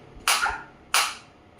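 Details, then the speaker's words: Two sharp, loud cracks about two-thirds of a second apart, each fading quickly: single pulses from a high-energy focused (not radial) shockwave therapy applicator held on the demonstrator's hand at energy level about 9–11. "Uh now I will increase the frequency 120 in the multiple of 30 it will increase. You can feel the detail. You can feel the difference in the sound also."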